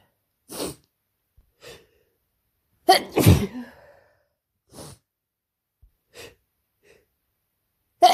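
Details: Cold with sore throat after a stressful week working at summer camp: a run of about six sharp, explosive sneezes with quiet pauses, the largest a double burst; repeated sneezing.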